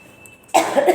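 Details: Half a second of room quiet, then one rough cough burst from an adult woman with a cold.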